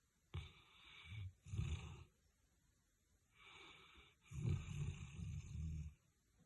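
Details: A sleeping dog in an odd position snoring loudly with deep, rumbling snores, two pairs of breaths in and out.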